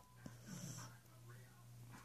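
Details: A pet dog snoring loudly, described as snoring like a man and slowly warming up: low, steady rumbling breath noise with a faint whistle in a quiet room.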